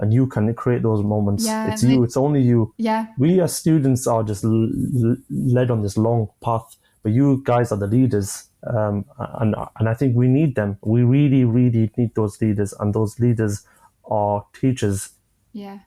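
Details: 25-year-old man with a stammer since early childhood, onset after an asthma attack, describing blocks managed with breathing methods and pauses; stammering.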